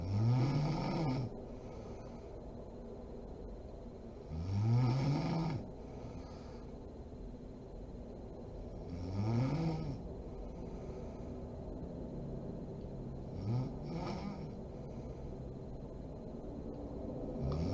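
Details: Mother (adult woman) asleep: slow, rough snores on each in-breath, about 13 a minute, with quiet breathing between; ordinary sleep snoring.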